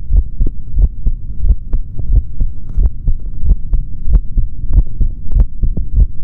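Steady low thumping heartbeat through a stethoscope, about 90 beats a minute, with a faint hum behind it; ordinary heart sounds.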